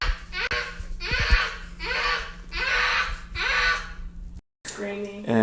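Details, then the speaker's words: Vocal stimming in a young girl with Autism Spectrum Disorder Level 3, diagnosed at almost 2 years old: high-pitched screaming-type stims made while happy, not angry or sad, which lasted about a year. "Crier. - Et crier-type, comme des cris vraiment aigus."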